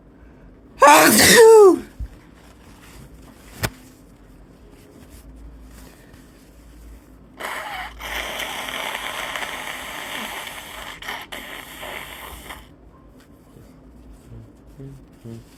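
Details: Acted, simulated sick-person sounds: a sneeze opens the clip, followed by a long hissing exhale or sniffle-like rush of air. Sneeze.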